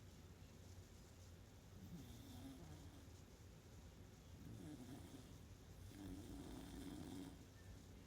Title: Ruby snoring, October 31st 2020